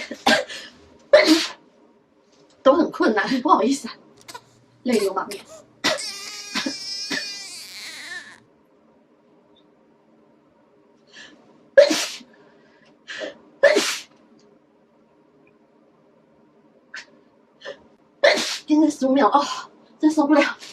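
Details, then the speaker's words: Repeated sneezing with quick breaths and crying-like sounds between bursts, triggered right after a Covid-19 nasal swab test; sneezing. "কারণ নাকের ভেতরে দেওয়ার পরে এটা স্নিজিং হয়, ওকে?"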